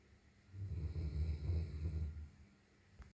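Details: Long-haired German Shepherd dog asleep, a single low rumbling fluttering snore lasting under two seconds; snoring during sleep.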